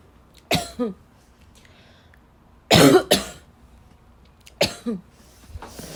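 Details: Girl, in a cough compilation, with harsh, dry, barking coughs in short bursts and some throat clearing; barking cough.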